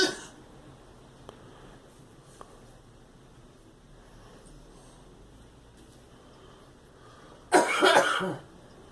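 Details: A girl gives one short, harsh cough burst in a double pulse after quiet room noise; a cough.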